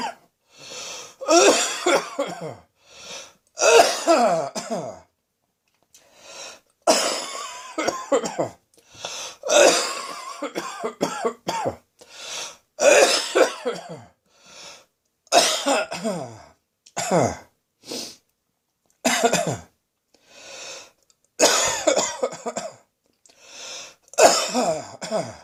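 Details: Recurring, lingering cough that has not fully cleared: repeated harsh barking coughs in clusters, slightly wet and chesty.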